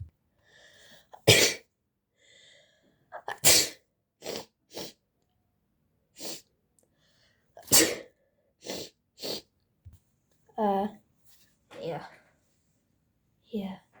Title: My brother is sick part 2 sneezing🤧🤧🤧